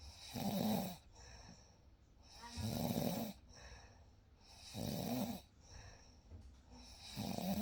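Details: Real night sleep recording: soft rhythmic snoring on each in-breath, about 26 a minute, with quiet breathing between; gentle snoring.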